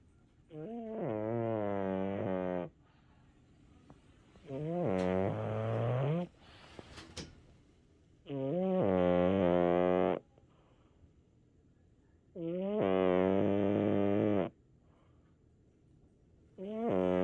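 Loud, buzzing, tonal snores, each about two seconds long, repeating roughly every four seconds; a sleeping cat snoring.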